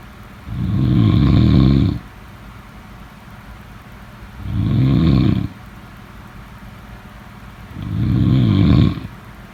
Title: #snoring #snoringsleepingsoundeffect #snoringsounds #sleepsounds